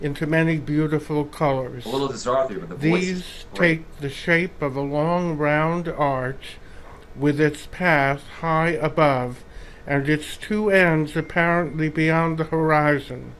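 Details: 71-year-old male choral singer after right glomus jugulare resection with right vocal fold paralysis, right tongue paralysis and hypoglossal sacrifice, large right glottic gap; breathy weak voice, hypernasality from velopharyngeal insufficiency, dysarthria; vocal fold paralysis with hypernasality and dysarthria.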